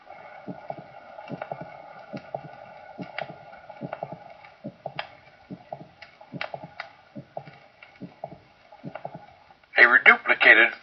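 Regular heart cycles of three short sounds each, a sharp click between the first and second heart sounds, over a steady hum; a systolic click.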